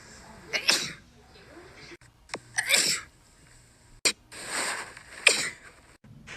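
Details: Woman with a nasal feeding tube sneezing uncontrollably while re-taping her tube: several sharp, forceful sneezes in quick succession, each with a short in-breath before it, a bout of repeated sneezing.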